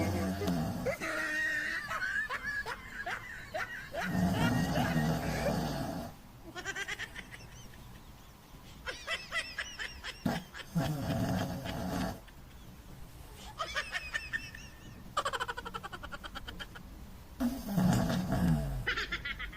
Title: The Snoring Doggie Muffin #doglover #dog #snoringdog #love #shihtzu #muffintime